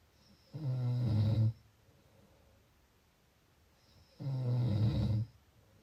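Two low, rattling snores about 3.5 seconds apart, each about a second long, with quiet breathing between.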